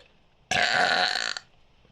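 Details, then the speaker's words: Deliberate burp after swallowing air: one loud, prolonged voiced belch lasting about a second. "[Music] I swallowed a bunch of airport I back up again I am a Burk biggy"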